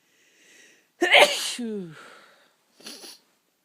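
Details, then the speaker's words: Person lying in bed in the dark early morning, trying to hold back sneezes, gives a sharp inhaled catch, one explosive sneeze, then a softer sniff: an ordinary sneeze. "Oh, I can't stop sneezing. Oh my. Oh, it's tickling so bad. I've been trying my best to hold it back, but it don't."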